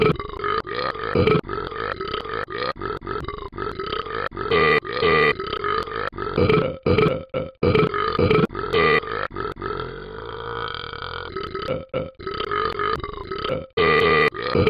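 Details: Long run of repeated loud, voiced belches with short gaps, including one drawn-out belch; repeated burping, which the caption attributes to eating bacon.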